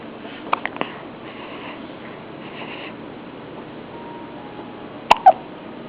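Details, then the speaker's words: Hiccups in a newborn baby: a few short, sharp little catches in a quiet room, three early and two near the end. "宝宝看到镜头就不打了，又来了，好可爱呀！"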